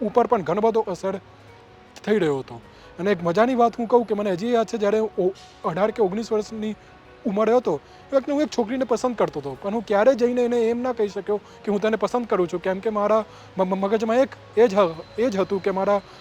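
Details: Stuttering in a 31-year-old man, present since he began speaking and still ongoing, speaking Gujarati.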